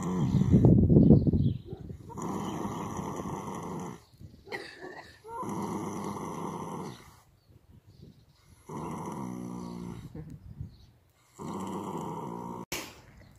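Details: Horses lying down resting: deep drawn-out rumbling snores repeating every few seconds, with occasional snorts and faint room noise; normal snoring.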